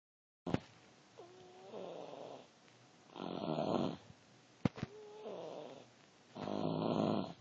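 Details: Sleeping animal snoring: a brief whistling note followed by a raspy, rattling breath, about 14 breaths a minute.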